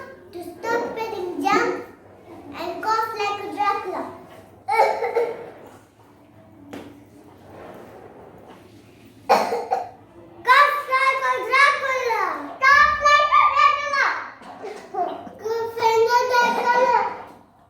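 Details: A child gives deliberate, acted coughs mixed with voiced, speech-like sounds in a small room, demonstrating covering a cough "like Dracula" to limit Covid-19 spread; simulated cough.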